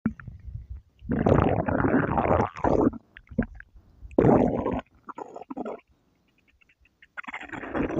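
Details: Stomach growling (borborygmi): long, loud, low gurgling rumbles in bursts with quiet gaps, from gas and fluid moving through the gut.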